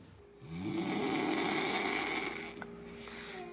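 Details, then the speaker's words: snoring A single long, buzzing snore on inhalation: turbulence where the throat narrows makes the soft palate and uvula vibrate against the throat walls during sleep. "Ce vibrateur, c'est le voile du palais, une petite luette qui va passer son temps à battre contre les parois de la gorge, se recentrer et créer le bruit à ce moment-là qui crée le ronflement."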